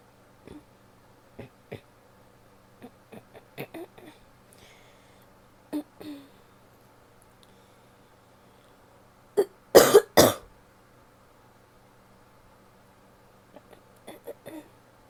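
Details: Adult woman gives a short run of two or three loud, harsh coughs with softer throat sounds around them; cough.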